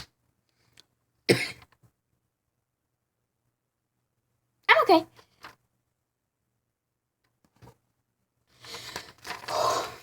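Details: A few short single coughs and a throat clear separated by quiet pauses, with some soft speech at the end, during casual talk.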